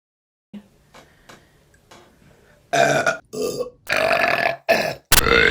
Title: Burping Compilation January 2024 #1 |